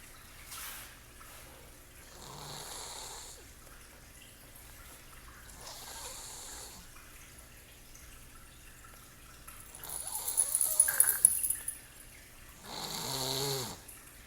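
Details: Person sleeping: soft breathing sounds ending in a brief snort and a short rattling snore; light snoring.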